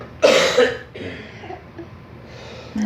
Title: The fake cough and obsessiveness over how objects should be